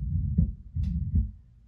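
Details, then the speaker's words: Simulated newborn heart with a septal defect (hole between two heart chambers): lub-dub heard through a stethoscope with a blowing "sh" murmur between beats. "is something we would call a murmur and so this is actually the sound of what we would call as a hole in a heart where blood is going between um two spaces in the heart that isn't normally there"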